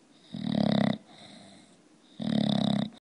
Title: Bulldog snoring